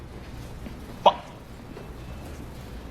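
One sudden, sharp, hiccup-like vocal noise breaks a quiet room; an acted simple vocal tic of Tourette syndrome.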